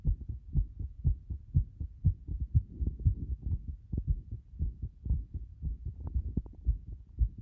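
Low heart thumps, roughly 120 a minute, with uneven spacing between beats: frequent irregular heartbeats.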